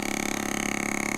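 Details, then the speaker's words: Vibration therapy device run around the leg of an adult woman with over 3 years of chronic plantar fasciitis heel pain, with ultrasound gel, before shockwave treatment; steady rapid buzzing drone massaging and stimulating tissue. "I'm going to use this one first for vibration we're just going to go around her her leg and so it vibrates through and and creates some stimulation to the tissue"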